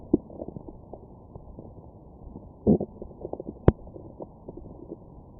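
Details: Stomach growling after eating McDonald's, heard through a Stemoscope on the abdomen: scattered soft gurgles and clicks, a louder gurgling burst and a sharp pop, active bowel sounds.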